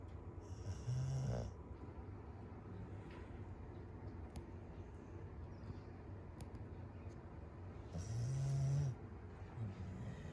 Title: My cat about to attack my dog for interrupting his nap with loud snoring #cat #dog #pets #family